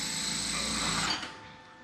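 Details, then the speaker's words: Surgical drill reaming a 10 mm wide bone tunnel to about 30 mm depth for interference screw fixation during posterior cruciate ligament reconstruction on a human specimen: high-pitched whirring drill grinding through bone, then winding down. "so i'm going to drill a tunnel now at matching diameter 10 millimeters wide and i usually want to have i'm going to say take an interference screw fixation i want to have a ton of depth of about 30 millimeters"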